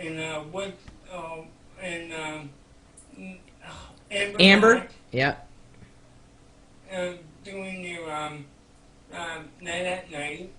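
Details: 32-year-old man with cerebral palsy speaking in conversation; dysarthria due to cerebral palsy.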